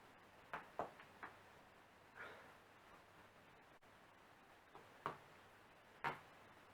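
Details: Morning self-cracking of back, neck and fingers by a non-chiropractor: several sharp, irregular pops and cracks in quiet room; harmless joint cavitation, joint cracking.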